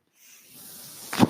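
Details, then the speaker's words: Mechanical ventilator noise: a soft airy hiss builds steadily, then ends in a louder gush of air from the speaker's own breathing ventilator during his podcast recording. "name is that noise earrings my ventilator thank you for tuning in the page-turners"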